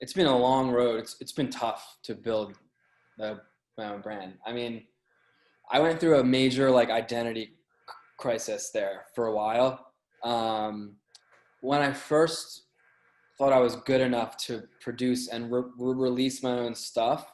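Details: Adult male with a lifelong stutter, hard for him as a child; stuttering.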